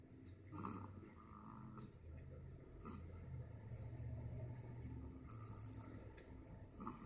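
Steady low rumbling snores with soft snorting breaths, about three or four breaths in seven seconds, relaxed and regular.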